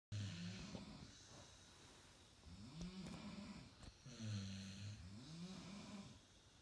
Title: Synchronized snoring.